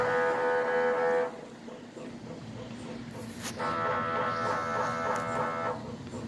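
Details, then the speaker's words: MRI scanner noise recorded just outside a mobile MRI trailer in a hospital parking lot during a brain scan checking a brainstem mass: loud droning buzzing tones in bursts with rhythmic knocking between, likened to keyboard typing, heard at a distance. "kinda sounds like somebody playing on a computer keyboard okay so that's what the sound of an MRI machine is now you know"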